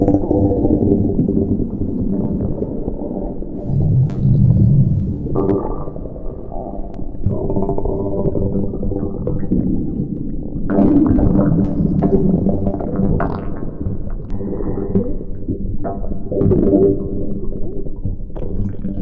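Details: Stomach growling (borborygmi): continuous low gurgling and rumbling with shifting pitch.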